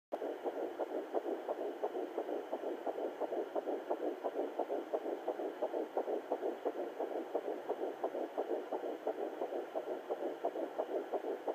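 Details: Fetal heartbeat at 9 weeks 1 day of pregnancy on Sonoline B Doppler: rapid, regular whooshing pulses about 175 beats a minute.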